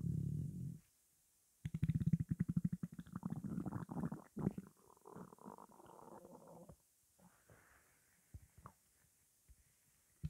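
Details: Morning hunger: low, quiet gurgling rumble rising into a rapid buzzing growl, then fading with scattered soft pops; ordinary hunger stomach growling (borborygmi).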